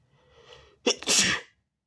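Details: Person sneezing at a mirror: a soft indrawn breath builds, then one loud, wet, explosive sneeze with a hissing spray at the end; part of big wet sneezes, stifles, false starts and nose blows; ordinary sneeze.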